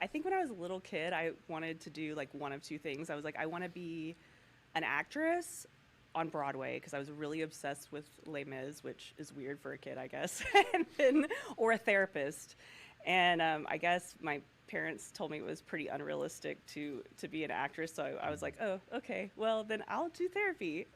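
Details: Adult woman speaking; Normal voice.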